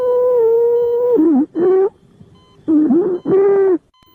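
Loud, high-pitched, harsh musical sound with each breath, typical of stridor from a narrowed upper airway.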